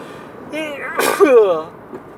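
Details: A voiced, drawn-out sneeze with a rising intake and sharp burst over steady car noise, one sneeze from a sneezing fit while driving.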